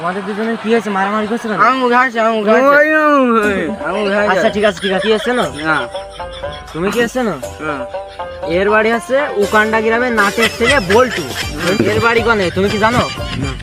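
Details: Adult speaker, acted comedy skit; no speech disorder.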